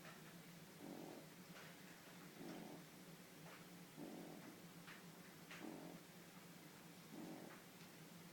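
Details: 12-week-old French Bulldog puppy napping: soft rhythmic snoring, about 38 breaths a minute, faint rasp on each breath over a steady hum; snoring.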